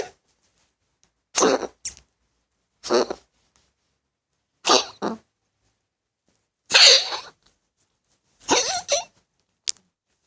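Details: Six bouts of short, harsh, dry coughing, several in quick doubled bursts separated by silence, from a pet animal: coughing.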